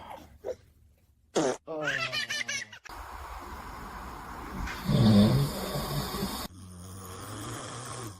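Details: Sleeping dad snoring: loud, rough, low snores, with brief sounds from a baby who seems scared, and room noise.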